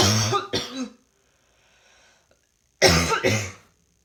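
Two separate bouts of harsh, double-burst coughing with a quiet pause between; repeated coughing.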